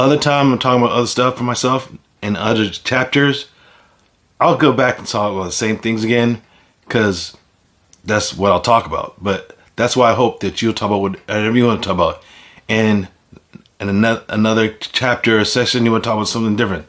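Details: Man with aphasia following a stroke, speaking unscripted; finding: aphasia.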